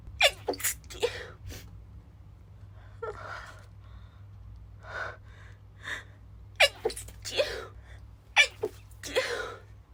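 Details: Female with itchy, stifled sneezes: a string of short, suppressed sneezes with quick catching breaths between them in a quiet room; sneezing.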